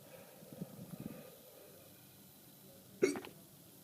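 After a few faint low sounds, a single sharp, abrupt catch of breath with a brief voiced 'hic' is heard against quiet room noise: a hiccup.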